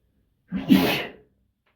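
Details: Natural sneeze from an adult male who usually sneezes 3 to 5 times in a row: a single sharp, explosive burst of air with a brief voiced onset, lasting under a second.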